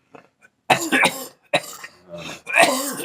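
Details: Adult with lung congestion, possibly a lung infection, says it has gotten better; congested cough.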